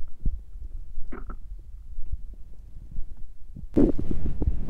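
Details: Stomach growling from a woman's belly during her period: low gurgling rumbles with a louder bubbling growl near the end.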